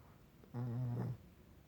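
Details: Pet asleep: a single low, fluttering rumble on one breath, about half a second long; snoring.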